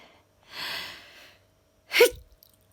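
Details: A single sharp sneeze after a long drawn-in breath, caught on a phone camera just before it was switched off, during a sudden cold spell in which the temperature dropped about 10 degrees.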